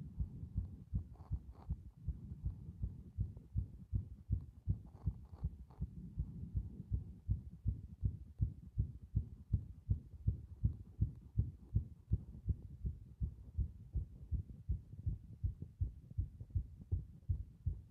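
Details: Heartbeat recorded to show heart muscle strength: steady, strong, regular low thumps about 80 a minute; a normal heartbeat.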